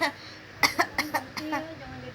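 A young child gives four short, light coughs in quick succession, followed by a brief voiced sound; an ordinary voluntary cough.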